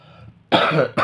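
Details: Harsh cough burst followed by the start of a second from a man (puppet master) who is sick with a cough while performing.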